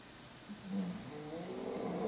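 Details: Bulldog snoring after a workout: a short stretch of noisy, rattly breathing, louder toward the end; snoring-type airway noise.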